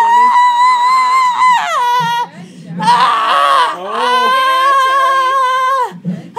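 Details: Newborn cry: loud, high-pitched sustained wails with brief breaths between from a baby boy just after delivery, who was born with the umbilical cord once around his neck; quiet music and adult voices behind.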